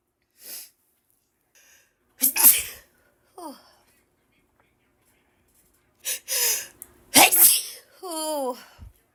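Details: Woman with ragweed allergies in a sneezing fit she cannot stop: several sharp, explosive sneezes in quick succession, with short gasps and brief vocal sounds between.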